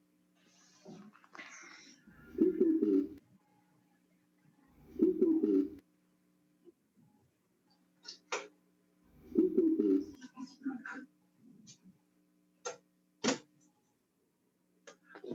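A spoken phrase repeated three times comes through the chest loud and distinct, with a few handling clicks; whispered-word-clear transmission fits pectoriloquy over consolidated lung.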